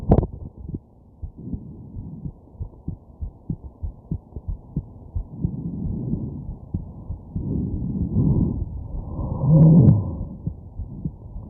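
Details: Heartbeat recorded at night while sick with a stuffed nose, with hiccups: steady low heartbeat thumps with a few louder, longer hiccup bursts breaking in.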